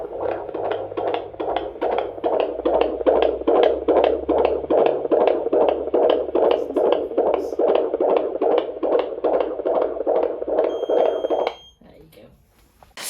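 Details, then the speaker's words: Fetal heartbeat on Doppler at a 28-week (third-trimester) midwife appointment, female baby: rapid, regular whooshing at about 146 beats a minute, likened to a galloping horse; all going well. "yeah as I said uh in that to me it sounds like a galloping horse but all is going well which is good"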